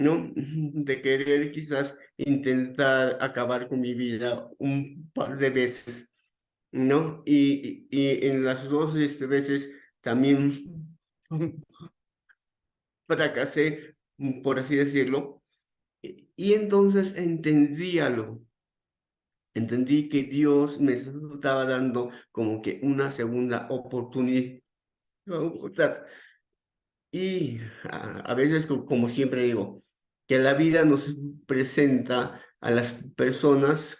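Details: Adult male psychologist who stutters, onset around age 7, more noticeable from age 11, reporting his stuttering as uncontrolled on the day; repetitions in speech; stuttering.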